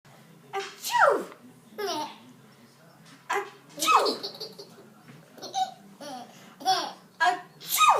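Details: Sharp sneeze bursts from an adult, each followed by laughter from a 7.5-month-old infant.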